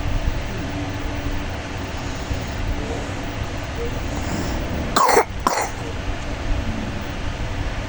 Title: Kompilasi batuk